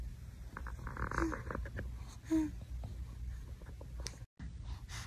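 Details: Sleeping one who has been with the family about a month, dreaming and snoring: soft snorts and brief whimpering squeaks during sleep; snoring.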